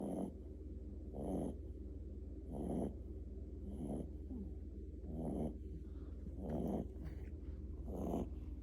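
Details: Regular soft snorting snores, about 44 a minute, over a steady low background hum: cute snoring during sleep.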